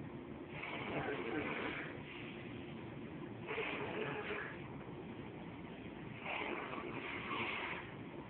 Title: My sis GF passed out drunk snoring lol